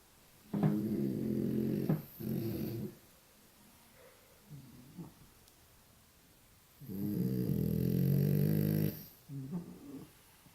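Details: Sleeping dog in a quiet room gives low, rumbling, rattling breath sounds in long and short bursts with pauses; snoring.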